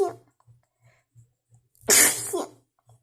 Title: Trying to holdback some sneezes after cleaning the dust